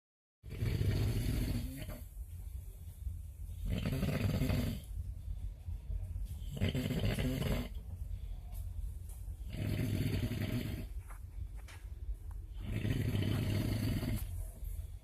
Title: Italian guy snoring in the cabin like a tractor